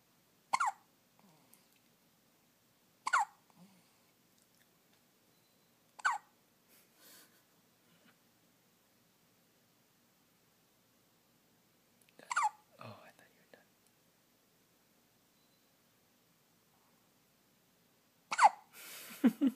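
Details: Newborn hiccups: five sharp, brief hiccup sounds at irregular intervals in a quiet room.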